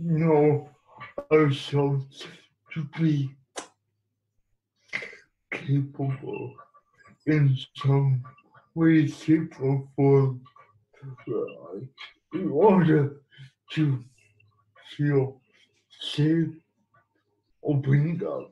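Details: Adult man who has lived with cerebral palsy and used a wheelchair most of his life, speaking in an interview; no specific speech disorder named; speech in cerebral palsy.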